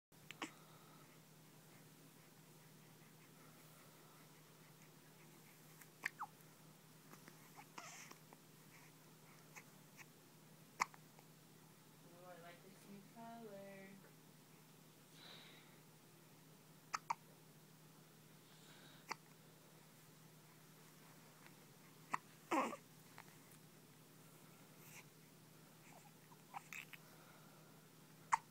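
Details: Newborn with a bout of hiccups: faint, brief, sharp sounds recurring irregularly in a quiet room.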